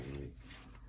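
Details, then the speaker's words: A brief low, rumbling snore from a French bulldog sleeping soundly, recorded with a phone microphone, fading into quiet room noise. "i don't know how much you can hear of the snoring because i know that the the camera on my phone which i'm using now to film um the microphone on it is actually way way better than the one on my actual camera"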